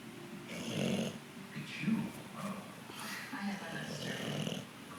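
Low, rough snorts recur about once a second with faint room noise, the noisy breathing of a snoring dog.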